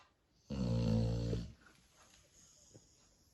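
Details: Sleeping spaniel dog snoring: one low, rumbling snore lasting about a second, then quiet breathing in a still room.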